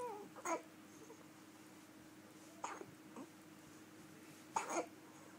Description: Hiccup baby 3 mths